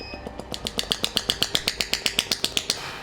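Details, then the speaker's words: Rapid regular sharp clicking pulses, about 158 a minute, from a compressed-air ballistic shockwave therapy handpiece firing, with adjustable frequency and power. "it's a powerful thing. And also the other thing is, because it's using a compressed air, between the time you actually press it to the time it actually gives the full power"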